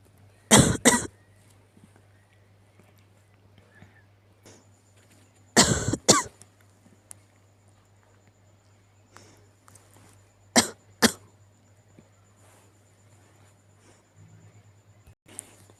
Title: 気持ち悪い咳 sick cough and sneeze